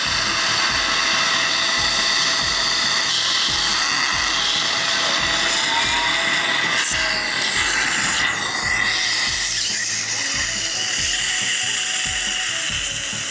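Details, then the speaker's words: First pilot drill, 2.0, of a dental implant osteotomy in guided, flapless All-on-4 surgery on a maxilla: a continuous high-pitched drilling whine with steady pulsing. "I'm gonna start with the implant osteotomy according to the same plan guideline this is 28 relent and 2.0 this is the first fire drill"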